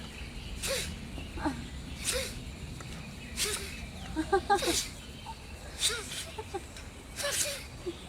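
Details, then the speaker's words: Giant panda asleep, sneezing repeatedly: about six short, sharp sneezes a second or so apart over outdoor background noise. "生气了吗？正打喷嚏。哎呀，我录下。打喷嚏。"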